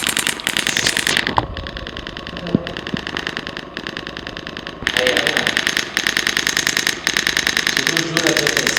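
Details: Radial shock wave therapy unit set to low intensity, pulses in bursts, applied to a painful area in a physiotherapy practical: rapid bursts of sharp mechanical clicks, about 200 a minute; device firing.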